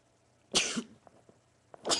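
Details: Male sneezing, part of a run of 20: two sharp, hissing sneezes about a second and a half apart.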